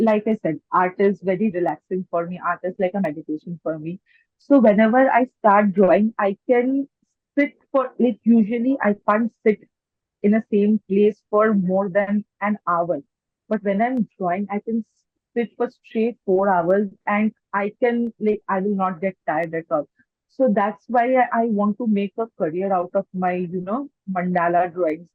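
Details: Adult woman who has stammered since age four and says she mainly gets stuck on words; stuttering with blocks.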